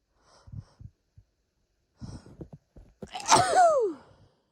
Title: Hitchy sneeze fit (F)